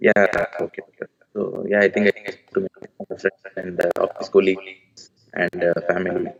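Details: Adult male with puberphonia (previously high-pitched, female-like voice with occasional dual voice), recorded after voice therapy, now reports a stable voice; finding: puberphonia, corrected after voice therapy.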